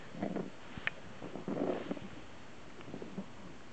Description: puppy snoring